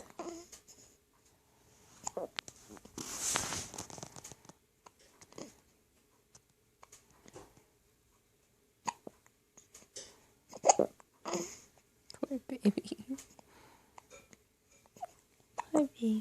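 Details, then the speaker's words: Hiccups: several short, abrupt, spaced catches and clicks in a quiet room. "It's the hiccups."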